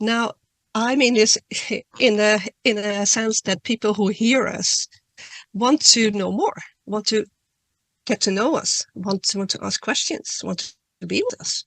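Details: Adult woman who stutters, speaking at a stuttering conference; she reads her talk to reduce stuttering and says she stutters less the more she speaks publicly; real stuttering.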